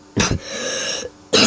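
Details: Cough from a speaker who says he has been ill: two harsh, abrupt cough bursts with a throat-clearing quality and a short breathy pause between.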